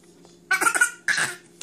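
Two short, voiced cough-like bursts from an infant, a deliberate play cough rather than an illness cough.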